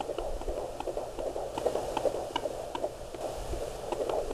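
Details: Fetal heartbeat at 15 weeks' pregnancy on a handheld Doppler: rapid whooshing pulses over static, roughly 150 per minute.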